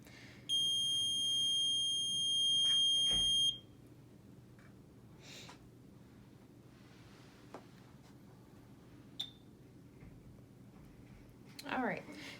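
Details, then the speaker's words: BiPAP machine in setup practice: a steady high beep of about three seconds, then quiet room noise with faint clicks, the start-up tones as it powers on before spontaneous/timed mode is set. "so here we're gonna go ahead and push snow on Benton and it's just gonna make a few noises before it completely turns on"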